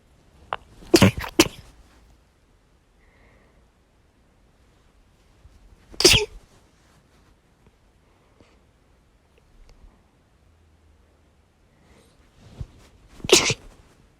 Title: morning sneeze fit